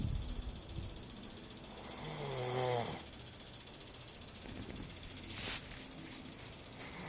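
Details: Adult man (dad) snoring during sleep: one rough, rattling in-breath snore in a quiet room.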